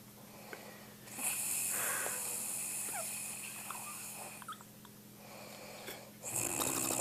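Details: Elderly woman (grandmother) asleep, unaware she snores: long, noisy, hissing breaths with a rough, fluttering quality; loud snoring.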